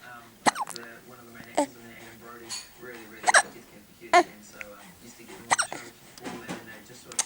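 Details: Baby in the morning after breast milk, hiccupping and kicking: sharp, abrupt gulping catches repeating irregularly, about six over several seconds, with soft voiced sounds between; hiccups.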